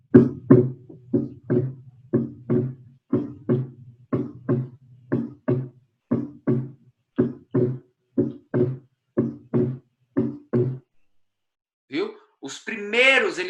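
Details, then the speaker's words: Physiological split second heart sound, occurring mainly during inspiration. "Em alguns momentos, até fisiológicos, principalmente no momento da inspiração, a gente pode ter"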